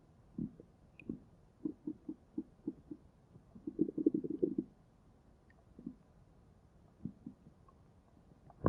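Soft, irregular low gurgles and bubbling pops, with a longer rumbling run in the middle; ordinary stomach growling in a quiet room.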